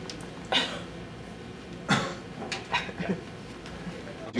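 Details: Several short, forceful cough bursts over room noise; a physiotherapy demonstration of self-assisted coughing, sitting up, leaning forward and pressing a fist, to clear airway secretions: self-assisted cough.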